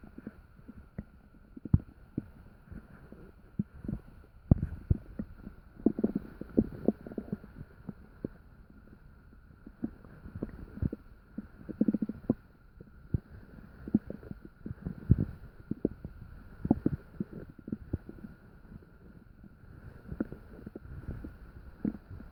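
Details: Active bowel sounds (borborygmi) recorded in the middle of the night while still digesting dinner: frequent gurgles, pops and low rumbles from the abdomen.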